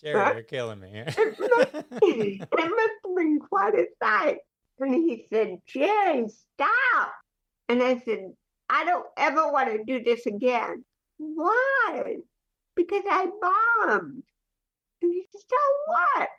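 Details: Dysarthria in cerebral palsy, heard in the real conversational speech of an adult woman.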